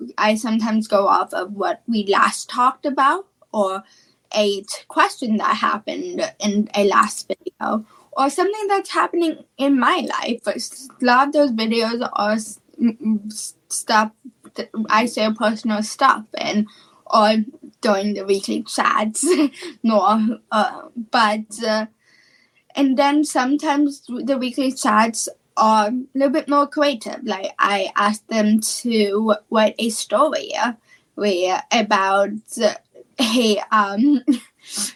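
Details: Childhood apraxia of speech, a neurological speech disorder, in a female high school senior who has had speech therapy since about age four and was once only 10% intelligible.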